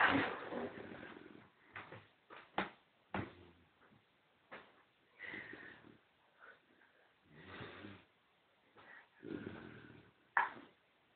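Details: Snoring from a sleeping small child: irregular, harsh snoring and snorting with sharp gasping bursts between breaths.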